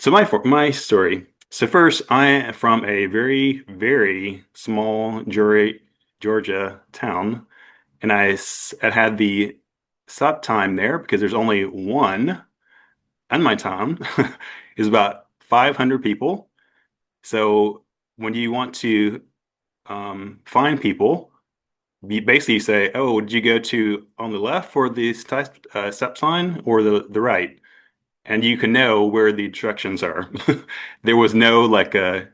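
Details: Adult man who had a stroke at 41 with no warning. His aphasia began as global, then Broca's, and is now milder; he also has apraxia of speech. Finding: aphasia with apraxia of speech.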